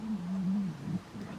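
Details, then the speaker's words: Pet dog snoring while asleep behind a cushion; a low, droning rumble under a second long, then a shorter grunt. "if you can hear a funny noise um right my paw is snoring just behind this cushion"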